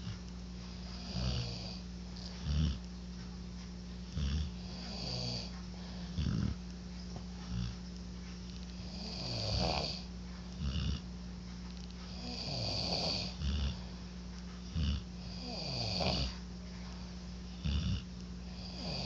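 Irregular snoring bursts from more than one sleeper, overlapping in a quiet room with a steady low hum.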